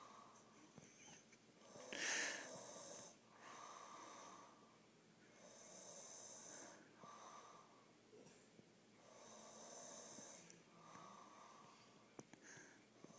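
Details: Snoring in a sleeping male, in a living room after his face was tickled: slow, rhythmic breathing with a hissing, whistling noise on each breath, about five breaths a minute.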